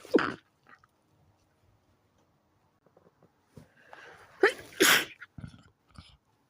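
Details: A midnight sneeze attack while trying to sleep, blamed on a sensitive nose: several sharp sneezes in a burst in a quiet room, each a quick intake then a loud explosive release.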